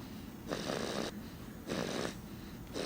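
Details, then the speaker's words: Snoring heard in a basement; adults note it is not the awake father and suspect a young child: two rattling, raspy breaths about a second long, repeating steadily over a fan's hum; snoring. "it's not daddy oh it's not daddy i'm awake yeah cause daddy's awake and normally daddy snores but what i mean but this is pretty loud"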